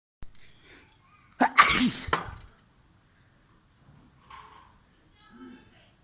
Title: Sneezing Videos 3 #shorts